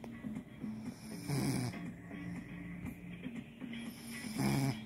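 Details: Person snoring while a stand-up comedy recording plays: rough, rattling snores rising over background music and distant talk.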